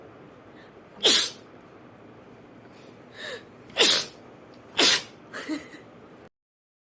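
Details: A girl sneezing rapidly: three sharp sneezes with softer sneeze-like bursts between them, in quick succession.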